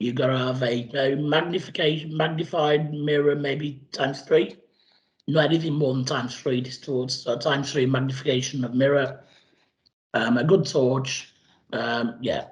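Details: Adult man after total laryngectomy speaking with a voice prosthesis, last changed about 10 days earlier; tracheoesophageal speech (voice prosthesis after laryngectomy).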